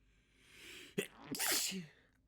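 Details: A hissing intake, then a short sneeze and a longer voiced sneeze over faint background noise; sneezing.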